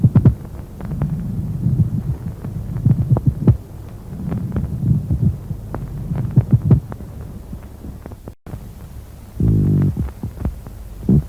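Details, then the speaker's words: Pleural friction rub, teaching recording of dry pleurisy or resorbing pleural fluid: coarse, grating, creaking sounds with both inspiration and expiration. "шум трения наблюдается также при рассасывании плевральных жидкостях теперь послушаем разные варианты шум трения"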